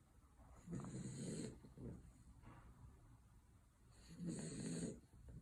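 Soft snuffly snores from a small puppy, two main breaths with a faint breath between, muffled against the floor.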